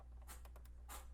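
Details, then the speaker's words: Pet rabbit sneezing: several tiny, quick hissy puffs, about four or five in a second, over a steady low room hum. "You can hear my bunny sneezing."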